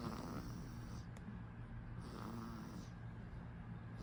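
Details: One-month-old baby's first snoring while asleep: soft, low rattling breaths repeating through light background hiss; gentle infant snoring.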